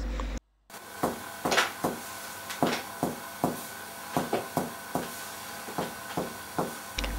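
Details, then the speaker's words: Resonant percussion note of normal lung, produced by finger-on-finger percussion of the chest: repeated taps giving a loud, long, low hollow note. "between the two basic tones there are three other tones the resonant tone of the lung is loud long and"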